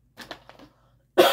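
A short run of quick, harsh coughs, then a brief pause and a sudden loud burst cut off at the end; coughing linked to sinus trouble.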